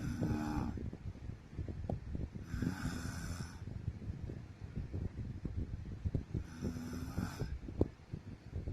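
Three loud rasping snores with quiet breathing between them, roughly 7 breaths a minute; ordinary sleep snoring.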